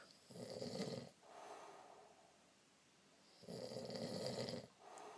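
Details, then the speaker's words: Heavy adult snoring: two loud, rough snores on the in-breath about three seconds apart, each followed by a softer out-breath; snoring is incredibly loud and recurs, keeping a bed partner awake. "you're snoring incredibly loud I can't sleep because of it"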